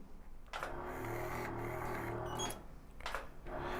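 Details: Live demonstration on a 27-year-old female patient: steady mechanical buzzing hum of a DermaShine Pro motorized micro-needle injector with 19 micro-needles, injecting hyaluronic acid under negative pressure, with quiet room noise.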